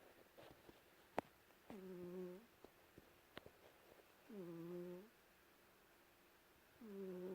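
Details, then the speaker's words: Cat sleeping under a white blanket, snoring loudly enough to be heard from another room: three slow, drawn-out buzzing nasal snores, each under a second, about 23 a minute, in a quiet room. "Lulu is snoring, and I'm going to try and capture it."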